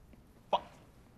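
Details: Acted simple vocal tic of Tourette syndrome in a TV film about a teacher with Tourette's since age 6: a single brief, sharp, hiccup-like vocal noise in a quiet room.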